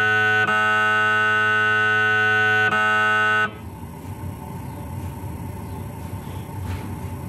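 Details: Adult patient during a scan: a loud steady buzzing tone with rhythmic knocks, then a change to a softer rumbling sequence. Typical MRI scanner noise during imaging.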